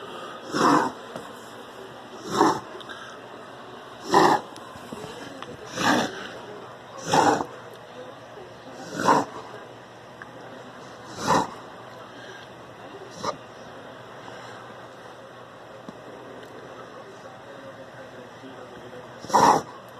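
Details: A dog makes a run of harsh, snorting inward gasps, about ten in twenty seconds: reverse sneezing.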